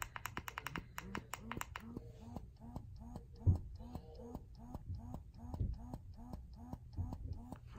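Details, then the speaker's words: Breast pump sound comparison of Freemie Liberty, Spectra S1, Motif Duo, Baby Buddha and Medela Pump in Style, run without tubing covered. Rhythmic suction cycles, quick then slowing to about two per second, each a soft whirring pulse with a click. "so this is the free me Liberty pump the spectra s1 the motif duo baby Buddha and the medulla pump in style this is how loud they are"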